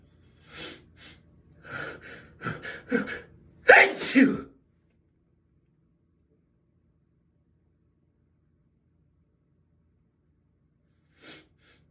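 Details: Sneezing fit in a bathroom with tickling nose: several quick breathy buildups, then two loud sneezes in rapid succession and a faint later sound; person says they can't stop.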